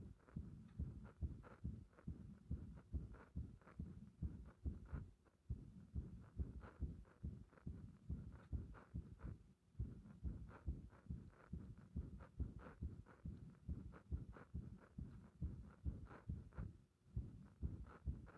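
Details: Frequent arrhythmia felt as the heart "bursting", heart sounds recorded under chest pressure: muffled, low, fast, uneven heart thumps with early beats and occasional pauses, an irregular rhythm with frequent extra beats.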